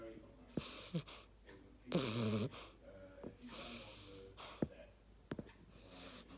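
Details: Sleeping female beagle puppy snoring: soft snuffling breaths with faint snore-like tones and whistles, plus a few clicks and shuffles.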